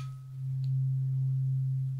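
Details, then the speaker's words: Simulated ASMR ear exam role-played by a male doctor: a tuning fork hearing test after looking in the ear, with a steady low pure hum as the patient is asked to say when the sound dies. "I'm going to try some hearing tests now can you hear this good good on this on this and that's okay just let me know when the sound dies"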